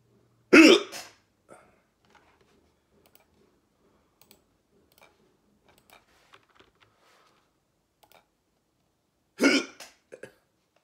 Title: Hiccups wont stop